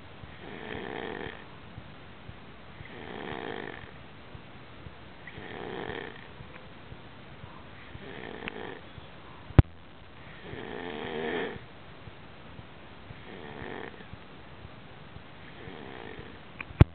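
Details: Snoring during sleep: steady, rough, rattling breathing sounds recurring about every 2.5 seconds.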